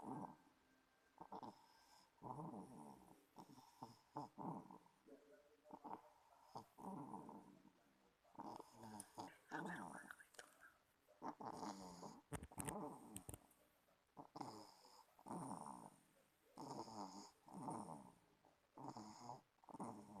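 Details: Sleeping infant with quiet, rattly noisy breathing on each breath, about 45 breaths a minute; infant snoring.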